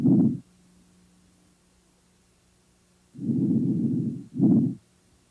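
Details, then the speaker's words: Normal vesicular breath sounds auscultated over the lung apices down to the bases and laterally during a thorax exam: soft, low-pitched, inspiration longer than expiration. "You should hear vicular sounds at the apes down to the bases and laterally. These sounds are low pitched and soft with a longer inspiratory than expiratory phase."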